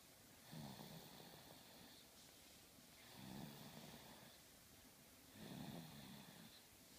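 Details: Snoring: quiet, soft snores with a faint whistle, about 26 breaths a minute, against steady background hiss.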